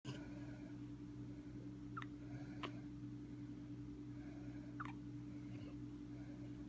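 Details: Young child spending time with his father: three brief, sharp, clipped hiccups at irregular intervals over a steady room hum, followed by passing gas.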